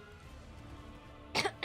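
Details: A brief, harsh cough or throat clear from an adult woman over quiet game music; she says her voice is dying: cough.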